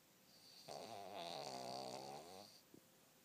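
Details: Female dog napping, snoring: a single drawn-out fluttering snore lasting about two seconds, then a small click; owner wonders what she is dreaming about.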